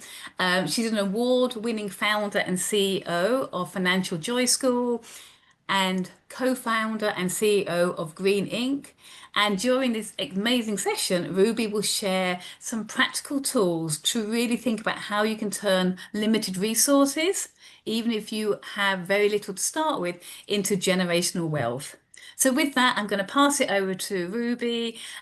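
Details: Adult woman speaking; ordinary speech.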